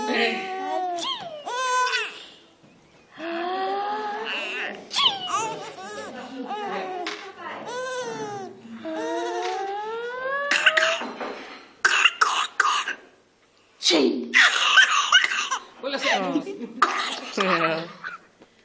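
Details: A baby squeals and laughs in high, sliding bursts from being made to laugh too much, then breaks into a coughing fit of several short, harsh coughs.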